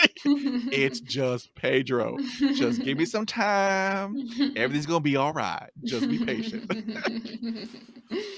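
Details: Adult man who stutters; audible sound repetitions; stuttering.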